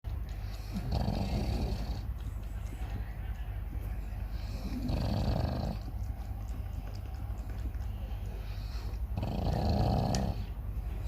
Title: CHOW CHOW SNORING